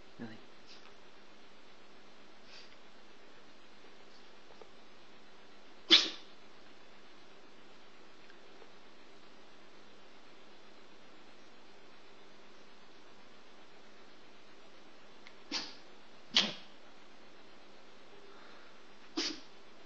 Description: milly the jrt sneezing